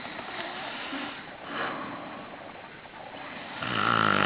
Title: chrapanie, snoring